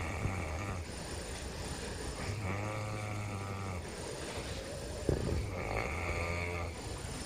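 Loud, droning, buzzy snores with a groaning pitch alternate with quieter breaths about every one and a half seconds.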